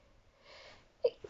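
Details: Person reading a short story aloud in English, interrupted by sneezing: a short breathy intake, then a quick, soft sneeze in a quiet room; an ordinary sneeze.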